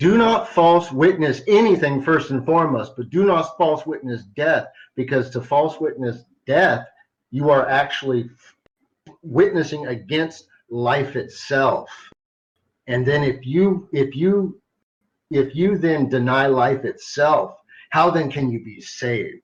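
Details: Adult man who stutters sometimes, a carry-over from much more frequent stuttering as a child; stuttering.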